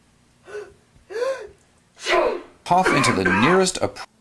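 Several short sharp inhaled gasps building to a loud voiced burst, like the intake before a sneeze.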